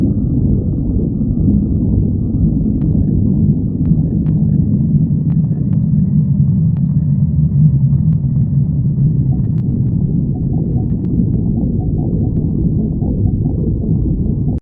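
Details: Continuous low rumbling and gurgling from the belly with brief clicks: stomach growling, or borborygmi.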